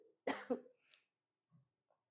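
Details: An adult teacher who is unwell with a sore throat gives a sharp double cough, two quick bursts, followed by a breathy exhalation.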